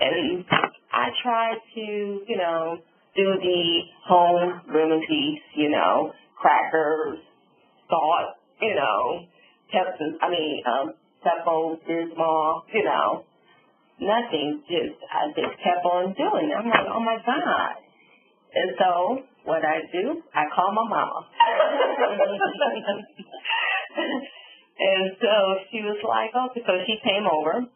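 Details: Adult woman, stroke survivor, with aphasia and apraxia of speech after a subarachnoid hemorrhage and stroke, semi-paralyzed on the right side, with word-finding difficulty.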